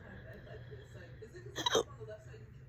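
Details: Person with hiccups for about 30 minutes, on and off all day: a single sharp, loud hiccup with an abrupt gulping catch of breath over faint room noise.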